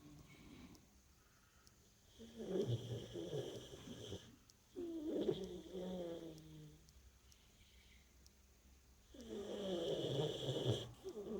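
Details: Tired dog in sound sleep snoring in long, fluttering, rattly pulls, about three in ten seconds, over faint room hum.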